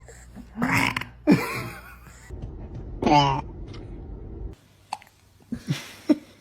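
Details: Baby hiccups: several short gulping, belch-like sounds over background noise, with brief hiccup-like catches.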